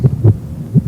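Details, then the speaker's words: Heartbeat of a sick child with a 102.2°F fever: low, dull thumps in quick succession, much faster than when healthy; tachycardia. "and this is Paul's heartbeat when he's sick wow so fast do you hear how fast it is"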